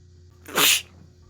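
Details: A single sharp, hissing sneeze over a quiet background, self-induced by gently wiggling a tissue in the back of the nose.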